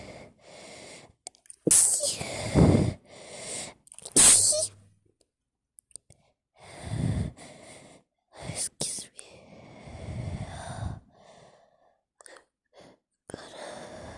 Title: Sneeze fit while speaking a lit bit